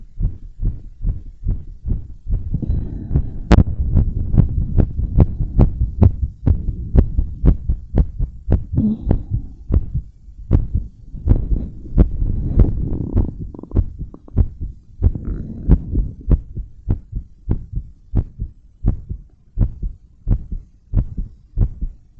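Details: Adult woman's heartbeat recorded with a chest microphone after bouncing around and blowing up a balloon: fast, regular, strong thumps with breathing and rubbing noise; normal heart sounds at a fast rate.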